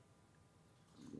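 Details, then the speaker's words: Faint, low gurgling growl swelling toward the end over quiet room noise during a live studio broadcast; an adult's ordinary stomach rumble (borborygmi). "is your tummy rumbling that was my that was my tummy did you hear it yeah i think it's mine as well"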